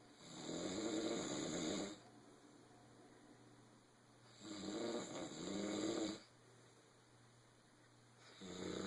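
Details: Snoring.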